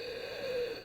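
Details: Adult imitates a wheeze: a short, breathy in-breath with a steady whistling tone running through it; imitated inspiratory wheeze.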